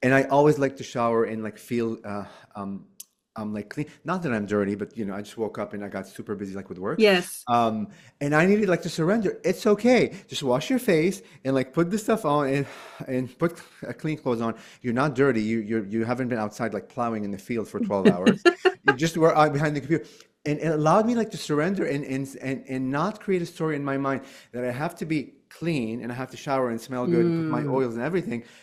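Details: Stuttering in an adult man since childhood, still present. He uses 'like' as a bridge word to avoid getting stuck on words.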